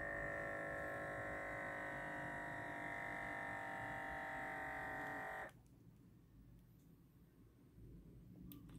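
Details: Omron medical-grade automatic blood pressure monitor, compared against KD99 Ultra smartwatch: steady motor hum as cuff inflates, stopping abruptly, then quiet room noise.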